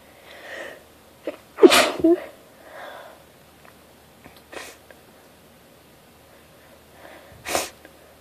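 Several sharp sneezes with quick breaths between them in a quiet room; repeated sneezing.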